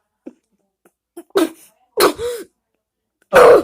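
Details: Child who says they are sick demonstrates how they cough in public: about three short, deliberate coughs, one with a brief voiced tail; an imitated dry cough.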